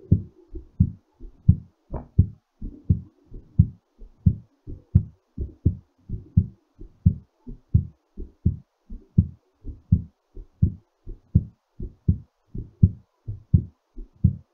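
Strong, regular heartbeat at about 86 beats a minute, a normal heartbeat during recovery after exercise.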